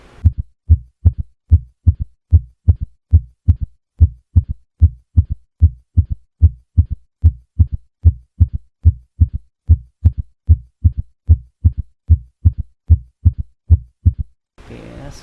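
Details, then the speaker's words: Third heart sound (S3): steady heartbeat about 74 per minute with a soft, low extra sound early after the second sound, an S3 gallop. "this is the third heart sounds it sounds"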